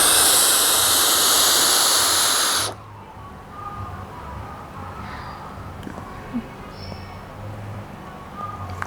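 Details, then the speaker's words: Loud, rushing deep breath in, nearly three seconds long, through a rotate-and-click dry powder inhaler after a dose is loaded, then quiet while the breath is held; inhaler technique demonstration. "So you notice I have to take very deep breaths to make sure that the drug is actually deposited into the throat area."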